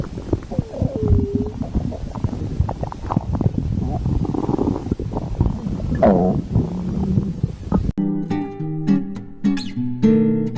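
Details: Stomach growling (borborygmi).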